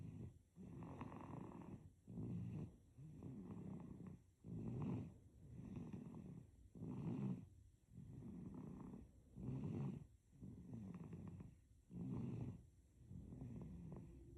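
Soft, regular rattling snore on each breath from a sleeping baby, about 24 breaths a minute.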